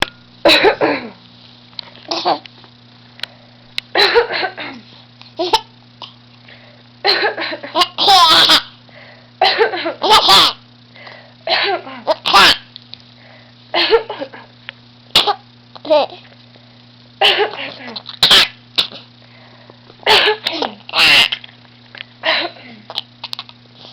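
A baby makes repeated short, deliberate cough-like bursts mixed with vocal sounds and giggles.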